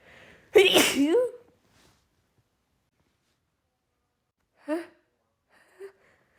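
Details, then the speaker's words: Woman's uncontrollable sneezing fit attributed to pollen allergy: one loud voiced sneeze, then two smaller sneeze-like bursts. "The pollen is really getting to me as you can probably hear."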